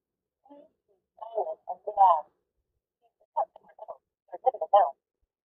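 Short recorded voice prompts from a home blood pressure monitor as the device starts up; no cuff pump noise is clearly heard.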